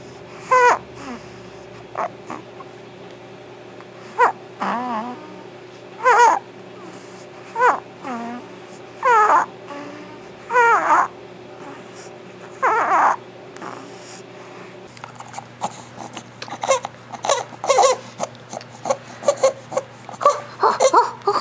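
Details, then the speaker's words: Awake, excited infant with ENT-evaluated laryngomalacia makes repeated loud, high, squeaky crowing noises on breathing in: inspiratory stridor. It is loudest when awake, excited or feeding, and barely noticeable, snoring-like, when asleep. "when he is sleeping it's barely even noticeable it kind of sounds like snoring but when he is awake and excited or awake and feeding it's crazy loud"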